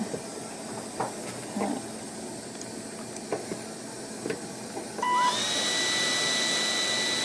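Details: Small clicks and room noise, then a steady loud hiss of a dental air syringe drying a child's teeth before bonding and curing-light splinting during repair of luxated teeth after trauma.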